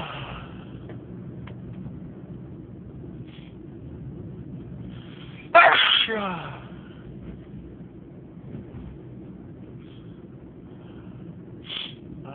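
A single abrupt, forceful sneeze with a sharp onset, heard against quiet room noise.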